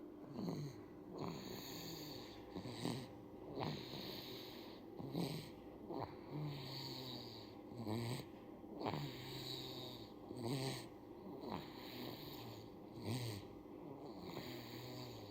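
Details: Repeated low rattling snores with each breath, about 24 a minute, over faint room noise; infant (baby) snoring.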